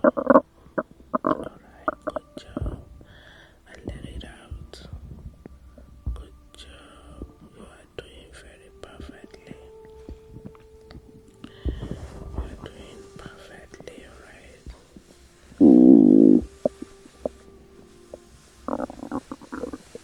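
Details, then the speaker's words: Postpartum woman's stomach gurgling while relaxing after childbirth: scattered soft gurgles and clicks with one loud squeaky rumble; ordinary bowel sounds. "Your stomach can make whatever sound it needs. It is just your body that is in stress, settling down."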